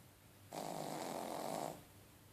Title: Fredzio the snoring pug